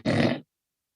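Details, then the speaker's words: Adult imitating nasal snoring, turbulence where the nose meets the back of the throat: a single brief, low, rattling snort through the nose. "the second type of snoring is nasal snoring or turbulence and the nasal firings where the nose meets the back of the throat and it goes a little bit like this"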